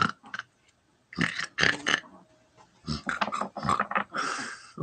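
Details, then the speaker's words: Sleeping dog snoring in short, rough, snorting bursts that sound like a pig snorting; owner worries the dog isn't breathing her best when snoring like that. "all right can you hear the dog snoring sounds so funny he's like"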